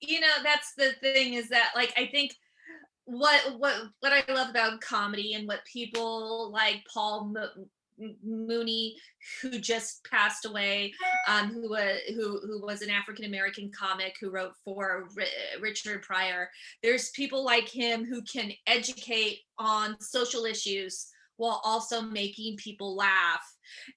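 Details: Stuttering in an adult woman whose stuttering began at age seven or eight; she also has dyslexia.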